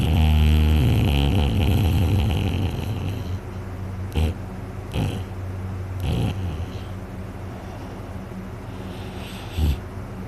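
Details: Person asleep, very tired after a day out hunting, later reports a very sore throat: loud, low rumbling snore, then softer noisy breathing with a few snorts; heavy snoring.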